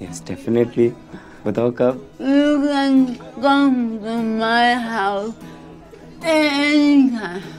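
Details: Acted portrayal by an actress of a young woman with cerebral palsy; dysarthria (cerebral palsy), acted.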